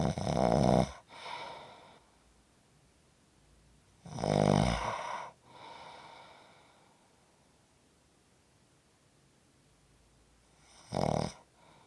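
Three loud, rattling snores on in-breaths, each followed by a softer out-breath, with long pauses between: ordinary snoring.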